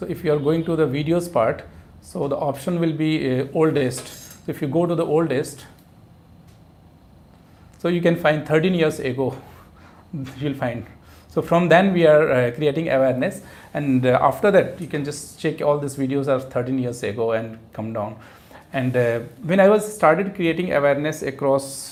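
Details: Adult male speaker; normal adult male speech.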